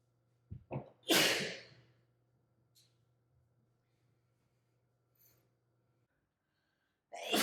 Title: Natural sneezes compilation